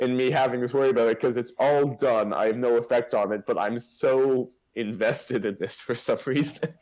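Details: Adult male speaker; Typical speech.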